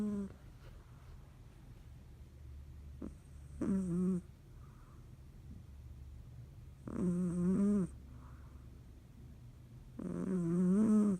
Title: Cat snoring loudly